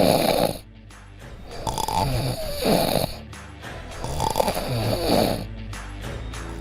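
Loud, rasping snores recur every few seconds, with a vibrating rattle on each breath. Background music plays throughout.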